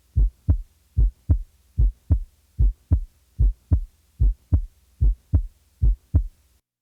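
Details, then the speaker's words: Normal first and second heart sounds, regular lub-dub at about 74 beats per minute, crisp sounds with quiet systolic and diastolic gaps; first sound slightly lower in pitch than the second. "Each pair of sounds, lub-dub, lub-dub, will begin with the first sound and end with the second. Listen to these sounds and keep in mind the systolic and diastolic periods in the cardiac cycle. Normally, the first sound is slightly lower in pitch in comparison with the second sound."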